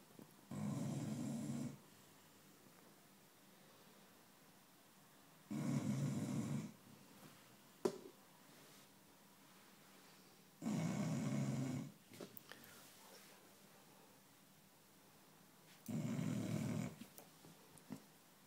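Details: Chow Chow dog snoring loudly while asleep: rumbling snores, one long snore roughly every five seconds.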